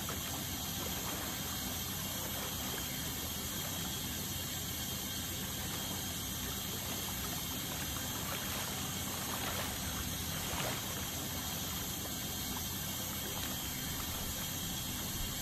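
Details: Dental scaling: steady high-pitched whine over continuous hissing water spray and suction gurgle, an ultrasonic scaler removing tartar during a dental cleaning.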